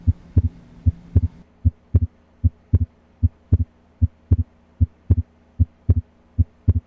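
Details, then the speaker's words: Regular lub-dub heart sounds at about 75 beats a minute, auscultated with the diaphragm at the left second intercostal space (pulmonic area); normal S1 and S2. "you normally cannot hear the pulmonic valve Clos in any location except in the left second intercostal space"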